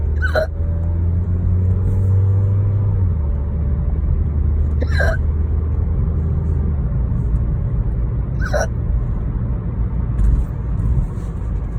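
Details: Adult after spicy wings and one glass of wine, in a car: three sharp, brief hiccups about four seconds apart over a loud, steady car rumble; repeated, painful hiccups.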